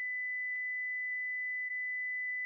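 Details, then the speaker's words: Philips HeartStart FRx AED after analysing rhythm and advising shock, voice prompts to stay clear and press flashing orange button: steady high-pitched electronic tone during shock delivery, followed by prompt to start CPR; AED shock tone. "shock advised stay clear of patient press the flashing orange button now deliver shock now"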